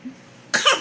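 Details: Pretend cough by a baby trying to get his mother's attention: a single short, forced cough made on purpose rather than from illness.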